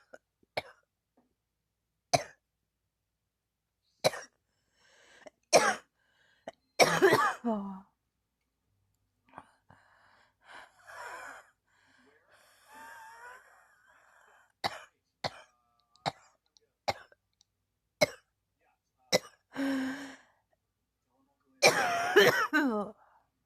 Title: ugh I can't stop coughing, 😔